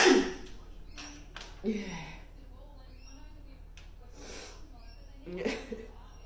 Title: Hayfever Sneeze TikTok